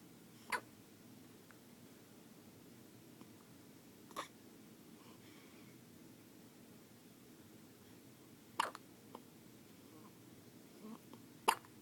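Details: New baby boy hiccuping: four short, sharp hic sounds roughly every three to four seconds over a quiet room; infant hiccups.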